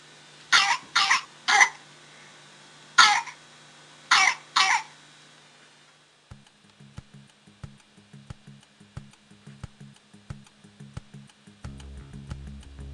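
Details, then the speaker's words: Two clusters of harsh, barking coughs from a child with croup, an upper-airway inflammation usually caused by a virus. "cro is an inflammation of the upper Airways that causes a distinctive barky cough or heness especially when children cry"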